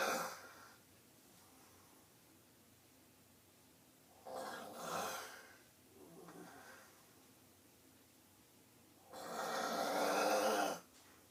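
Three noisy, rasping breath sounds spaced several seconds apart, the last long and loud, with quiet pauses between: snoring.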